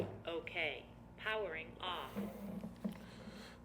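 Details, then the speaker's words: Defibtech Lifeline View AED during monthly inspection: after battery and pads are reinserted it runs an automatic self-test, then a synthetic voice gives brief prompts reporting battery okay and powering off; normal device check. "when that battery goes in it's going to automatically test that device and make sure it's good to go so we're going to wait for that to happen"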